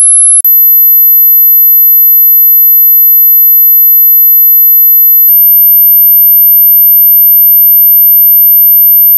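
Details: Hearing test sweep running from 10 Hz to 20 kHz: very high, steady pure tones stepping slightly higher in pitch, probing the upper limit of hearing.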